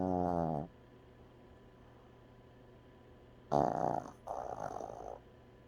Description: Dog snoring...